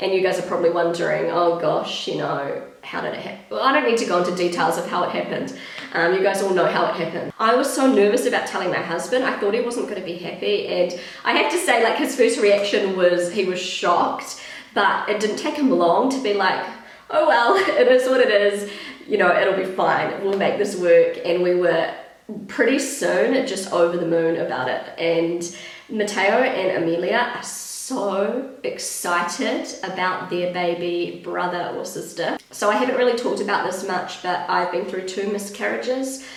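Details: Pregnant woman with a habitually croaky, crackly voice that she says worsens whenever she is pregnant, blaming the pregnancy; she is also slightly out of breath; vocal fry.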